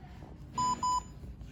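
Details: Pulse oximeter beeping during heart screening of a child, probe placed on the palm, reading SpO2 and heart rate.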